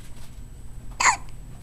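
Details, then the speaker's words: Newborn boy, 5 hours old, having his first hiccups while trying to nurse, between sucks and swallows: a single short, sharp hic against faint room noise, typical of an infant hiccup. "it was really funny hearing him do that while he was trying to nurse that was funny in between like sucks and gos he was doing that that swallow too much air is that what it does"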